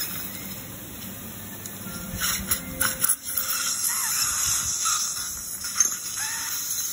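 High-pitched whine with bursts of grinding and rattling against steady hiss, from a dental drill during a wisdom tooth extraction.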